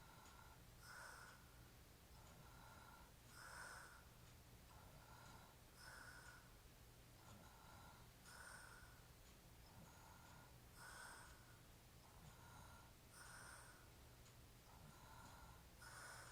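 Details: Sleeper with a hairy chest, described as drunk, snoring regularly at about 24 breaths a minute, with rattling, snorting noises on each breath during sleep.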